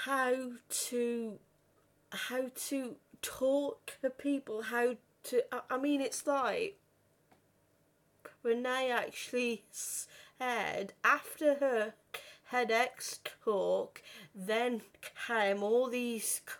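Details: 32-year-old woman who has stuttered since about age five or six, worst on the phone, had speech therapy and breathing techniques at 15; stuttering.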